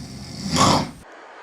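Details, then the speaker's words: Adult man filmed asleep at night in his bedroom gives a single loud, rough snore with low rattling rumble, so loud it makes him move slightly; loud snoring. "En fait, tellement c'est fort le ronflement, ça me fait bouger un peu."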